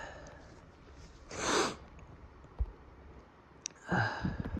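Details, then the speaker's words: One burst-like sneeze, a sniff, then a second explosive sneeze over faint room noise, amid sniffling, panting and sighs; repeated sneezing. "Like when I sneeze for you. Let me sneeze some more for you."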